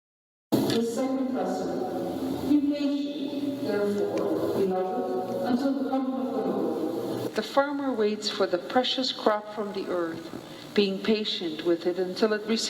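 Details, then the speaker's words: Simulated hearing-aid or cochlear-implant listening in an ordinary noisy environment without a telecoil: a woman's speech blurs with surrounding voices and background sound, all amplified at once, making speech hard to follow. "보통 보청기나 인공와우를 착용하면 소리가 잘 들릴 것이라고 생각하지만 오히려 주변 소음까지 정되어 모든 소리가 한꺼번에 들리는 문제로 인해 일상생활에서 많은 어려움을 겪습니다"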